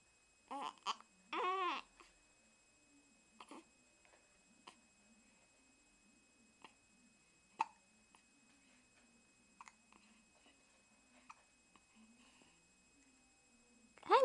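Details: Infant with ordinary hiccups: short, sharp, repeated hiccup sounds at irregular intervals, with a little vocal babble between them.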